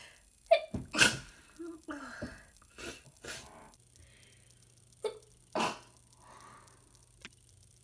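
Several wet, forceful sneezes with sharp inhalations between them, from a person with a cold.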